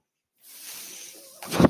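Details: A soft rushing airflow hiss, then a louder whooshing push with a low thud, as the speaker's own ventilator delivers a breath during their podcast: a mechanical ventilator breath cycle.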